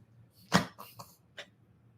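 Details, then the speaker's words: Female dog reverse sneezing: a sharp snorting burst, then several quicker honking snorts; she seems unable to breathe, with audible nasal mucus. "An inside sneeze. That's an inside sneeze. >> [snorts] >> Can I hold her upside down or something and help her get it out?"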